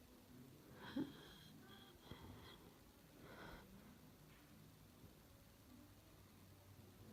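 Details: Ill person whose chest hurts badly: two or three wet, violent, high-pitched sneezes with breathy inhalations between, in a small quiet room; sneezing during illness.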